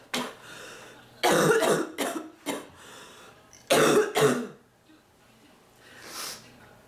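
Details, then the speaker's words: Persistent harsh, barking cough in three bursts, some doubled, with quiet pauses, in a sick adult woman still fighting off an illness, whose back hurts badly from coughing. "I'm still trying to fight this thing off it's not that easy though oh my back thank you my back hurts so bad from coughing"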